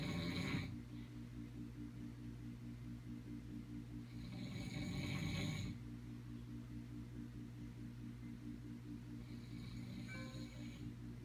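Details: Snoring: rough fluttering breaths recurring about every five seconds over a steady low hum.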